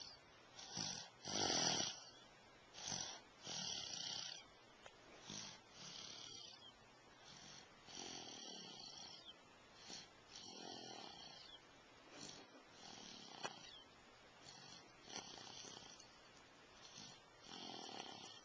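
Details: Recorded September 22, 2011 on a Flip Video camcorder: soft, irregular hissing snores and snorts, about 27 a minute, against quiet room noise; snoring.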